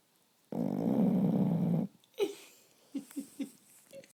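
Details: Snoring during sleep: one long, loud, rough rattling snore followed by several short soft snorts in sleep breathing.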